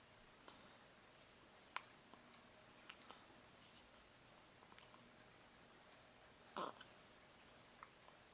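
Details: Nikolas, who often gets hiccups: quiet room with several brief, abrupt clicks and soft catches at irregular one- to two-second intervals; hiccups.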